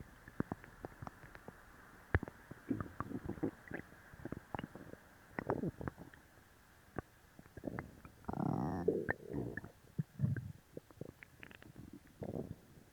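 Frequent gurgling, rumbling bowel sounds with bursts of bubbling and a longer growl; loud borborygmi from active bowel after a laxative.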